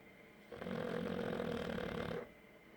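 A single rough, rumbling snore lasting under two seconds; ordinary snoring.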